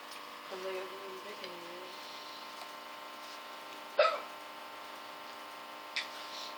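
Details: Hiccups in a friend's sister: two sharp, abrupt gulping catches about two seconds apart over a steady room hum; the uploader remarks it doesn't even sound like hiccups.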